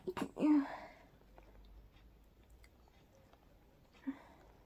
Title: Breathy sleepy stifled allergy sneezing